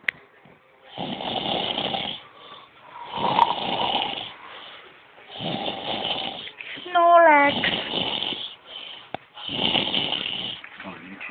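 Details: Four loud, rough snores on inhalation separated by quieter exhalations, with a brief whistling squeak in one breath; ordinary snoring.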